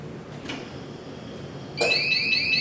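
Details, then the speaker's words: Loud, shrill, continuous anesthesia ventilator alarm starting abruptly after a quiet hiss, sounding because the pressure transducer is not connected during ventilator setup and leak check; ventilator disconnect alarm. "is the sound that you will hear when your pressure transducer is not connected so go ahead and turn this off to comment that sound which is quite quite loud"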